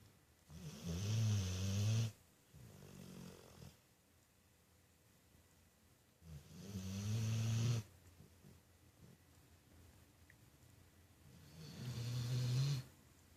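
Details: Loud, low rattling snores on each breath, about 11 breaths a minute, with quieter exhalations; snoring in a sleeping dog.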